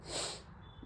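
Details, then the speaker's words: Adult man with a cold and fever-like illness who has taken medicine: a single short, hissy snorting sniff to clear a congested nose. "તમે જોવ છો શરદી અને તાવ જેવું છે હમણાં તો દવા તો લીધી છે."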